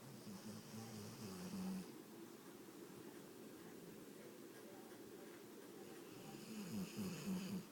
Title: My dog snores